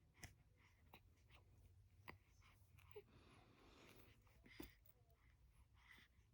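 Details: Infant boy with hiccups that won't stop: repeated short sharp catches of breath at irregular intervals, about five in six seconds, over quiet room noise; infant hiccups.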